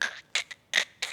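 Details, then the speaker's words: A quick run of five sharp, crackly clicks and pops in a quiet room: knee crepitus, clicking of the knee during a squat, possibly from gas bubbles, ligament movement or cartilage wear. "it's a funny thing because it's not generally a bad thing it can be if it's not addressed um straight away so it can be generally it's um gas bubbles ligament damage General cartilage wear and tear"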